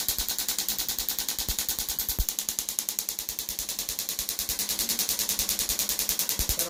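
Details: Second EPAT shockwave session for Achilles tendonitis (thickened Achilles, treated above its bone insertion): rapid, regular sharp clicking, about three per second.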